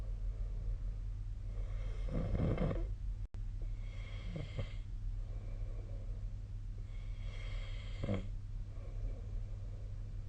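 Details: Snoring during sleep recorded at a distance with the SnoreLab app on 2025-02-02: soft, uneven snoring breaths over a steady low room hum.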